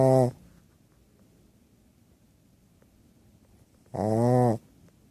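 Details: Sleeping 2-year-old Shih-Tzu dog, operated last year to open her nostrils, still snoring: two short, whistling, tonal breath sounds about four seconds apart, quiet room between them; whistling snore.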